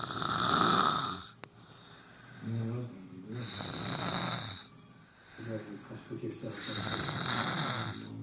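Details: A brother asleep snores harshly on every breath at about seventeen a minute, rattling on the in-breath with a hissing out-breath, which is ordinary snoring.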